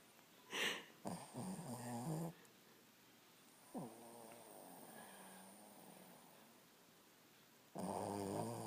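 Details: Sleeping dog: quiet, irregular snoring breaths with soft groaning, whiny sounds over faint room hiss; snoring.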